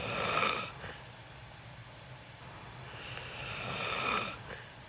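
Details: Loud snoring during sleep in a self-recorded sleep video: two loud, hissing, airy snoring breaths with a steady hum between them.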